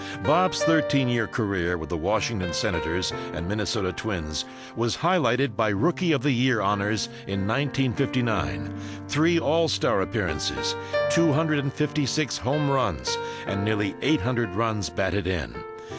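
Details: Adult male narrator; ordinary fluent speech.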